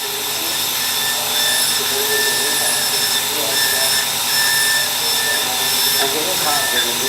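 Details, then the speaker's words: Steady high whine with grinding and rising pitch as a slow-speed dental bur removes hard, deep caries during access opening of a grossly decayed mandibular first molar for root canal treatment. "So we need to use the bar over here. And we using it in a slow speed so that we can understand how we are progressing into the to"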